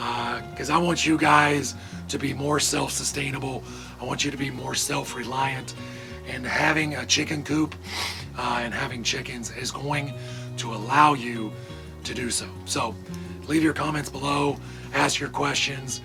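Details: Adult male with vocal cord paralysis from surgery that damaged throat nerves and paralyzed the muscles acting on his vocal cords, making talking hard; he hopes it is temporary; vocal cord paralysis.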